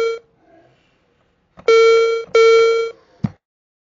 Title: Hearing aid low battery tone sound effect